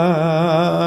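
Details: Adult voice, imitated demonstration; essential vocal tremor.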